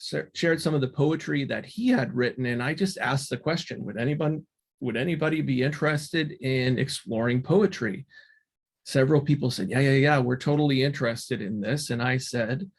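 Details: Adult man speaking; ordinary speech.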